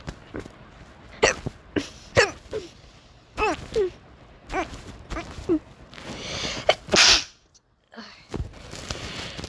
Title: Hiccups + Sneezes + Nose Blowing